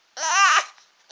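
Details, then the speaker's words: 3-month-old baby boy, congested, on his tummy during tummy time, getting mad after trying to roll: one short rising-and-falling fuss cry; infant fussing cry. "griel on his tummy he's getting a little mad now a little earlier looked like he was trying to roll"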